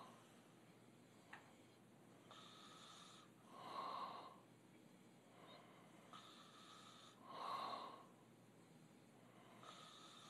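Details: Two men sleeping: slow, rough breaths, louder on alternate cycles, about 16 a minute; open-mouth snoring.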